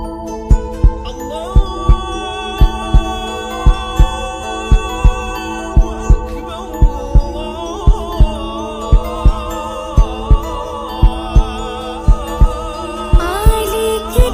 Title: Heartbeat sound